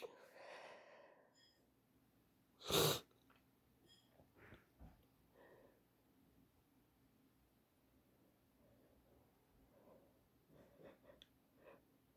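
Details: Sneezing from a cold: a short, stuffy intake of breath, then a single loud, sharp sneeze, followed by quiet snuffly breathing.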